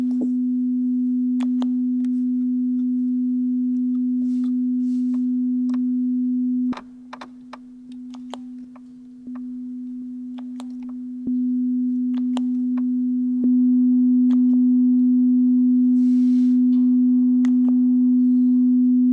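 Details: Mixed-sounds hearing test at a real Thai ear clinic, right ear only, a word-recognition test in which the patient repeats Thai words.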